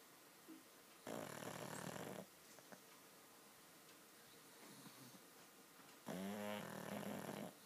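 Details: Two loud, rattling snores about five seconds apart, each about a second long, with quiet breathing between in a still room: pug snoring.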